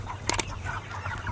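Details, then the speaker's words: Chicken coughing: two quick, sharp coughing bursts over a steady low hum; owner first thought it a cold, noted persistent gurgling "grok-grok" sound as disease symptom. "Ayamku batuk-batuki. Kaget aku kirain masuk angin jebul malah gejala penyakit. Awal takir biasa tapi kok suarane grok-grok terus ngedo wis aku langsung ngambil langkah kilat."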